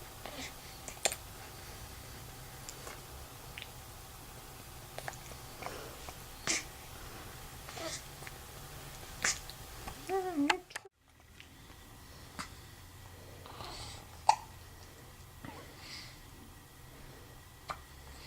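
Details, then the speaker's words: Infant hiccups: soft, brief catching sounds recur every few seconds in a quiet room, noted alongside feeding cues. "Oh, hiccups. Little feeding cues."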